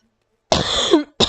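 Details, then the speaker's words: Adult with a lingering post-COVID cough, now testing negative, that worsens the longer they talk; coughing during a gaming session. "ut the cough's still there and I hear it lasts a while so forgive me if I start going onto random coughing fits or if I get start talking less because the longer I talk the more I tend to cough"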